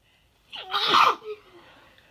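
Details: A single forceful sneeze during an intense bout of sneezing: a brief in-breath, then a loud explosive burst, followed by quiet.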